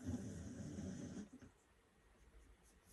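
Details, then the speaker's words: A single rough, rumbling snore of about a second from a sleeping whippet, said by the owner not to usually snore, then quiet room noise. "Sorry, can you hear my dog snoring in the background?"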